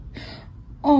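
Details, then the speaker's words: Cat or kitten giving a single soft, breathy catch, a tiny hiccup, followed by the start of a voice; hiccups. "Oh, hello. Have you got hiccups? >> Do you have the hiccups?"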